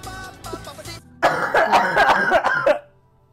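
A quick run of about six harsh, forceful coughs over background music, a coughing fit in an adult recovering from pneumonia.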